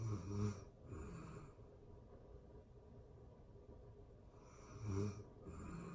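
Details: Real-time recording of a person asleep: soft, quiet breathing with a few faint snoring and snorting breaths in a still room; light snoring.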